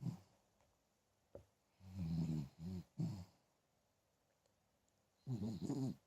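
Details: Dog (pup) snoring, described by the owner as snoring like an old man.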